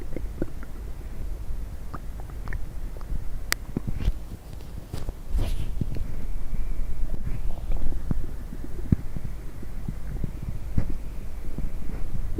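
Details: Low gurgling and irregular squelching rumbles from the belly after drinking coffee and diet coke, over steady background hiss: ordinary stomach rumbling (bowel sounds).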